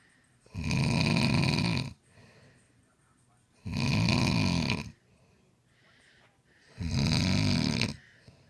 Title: Dad snoring